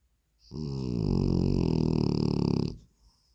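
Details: One long, low, rattling snore of about two seconds with a coarse fluttering vibration, from a sleeping French bulldog. Snoring.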